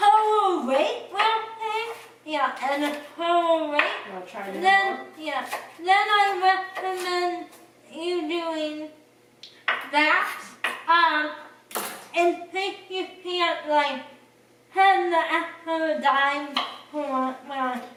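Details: Dysarthria in a person with cerebral palsy.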